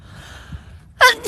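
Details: Asian young woman: a quick, soft indrawn breath, then the start of a sharp burst; gasp just before a sneeze.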